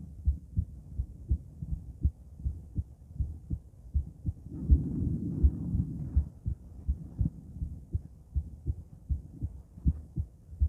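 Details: Female heart auscultated with different stethoscopes, moving through Erb's point, mitral, tricuspid, aortic and pulmonic sites; steady lub-dub about 80 per minute with brief rubbing noise midway; normal heart sounds.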